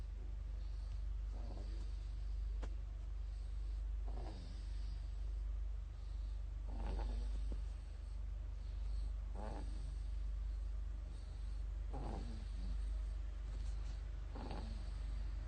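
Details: A tired baby snoring in sleep: soft, short snorting breaths about every two and a half seconds, about 24 a minute, over a low hum.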